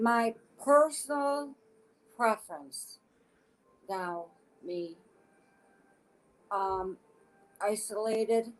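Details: Adult woman with aphasia since a stroke in August 2014 at age 52, affecting her speech expression but not her intelligence; aphasia.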